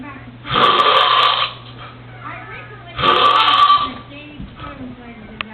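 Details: Snoring from a roommate during a nap: two loud, harsh, rattling snores about three seconds apart, each around a second long, with quieter breathing between.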